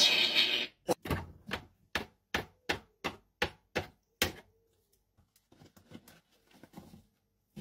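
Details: Pet rescue parrot mimicking the chronic cough of a 66-year-old man with COPD diagnosed in 2008: run of short, sharp, dry cough bursts, imitated chronic cough.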